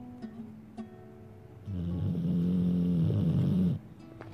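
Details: Sleeping American Bulldog gives one long, low, rumbling snore on the in-breath over a soft plucked lullaby.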